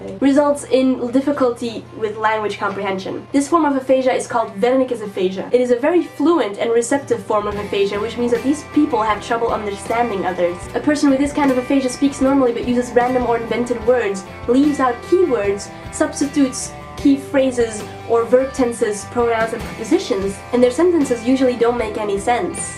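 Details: Adult woman narrating over background music; ordinary speech.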